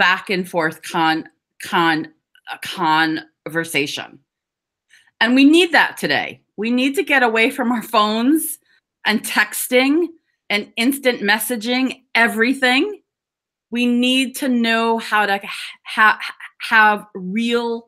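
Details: Adult woman who stutters (stammers), giving an awareness talk, with audible syllable repetitions; stuttering.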